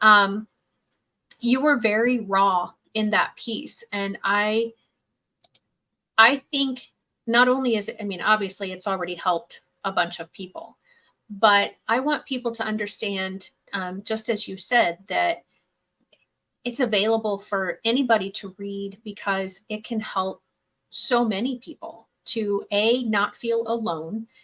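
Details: Adult woman speaking; normal speech.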